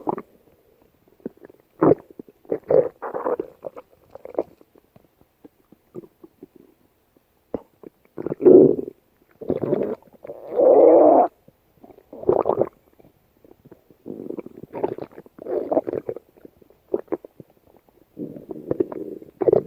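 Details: Stomach growling: bursts of gurgling and longer growling rumbles separated by quiet gaps; ordinary borborygmi.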